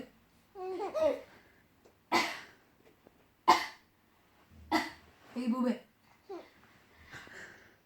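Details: Fake, imitated cough: three short, sharp, deliberate cough sounds mixed with voiced babbling noises in a small room.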